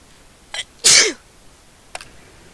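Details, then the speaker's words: Person with cat allergy trying to hold back a sneeze while talking: a brief in-breath, then one loud explosive sneeze and a faint sniff afterward in a quiet room. "So I'm trying really hard not to sneeze, and not doing such a good job. I can't hold him back anymore."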